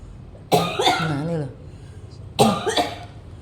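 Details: Two harsh, voiced coughs, the first trailing into a throaty groan; persistent cough that has not healed, attributed to heavy lifting.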